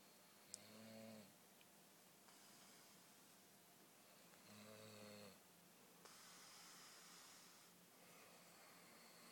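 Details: Someone snoring, recorded during the last leg of a 48-hour film project: two soft, droning snores about four seconds apart, each followed by a breathy exhale, in a quiet room.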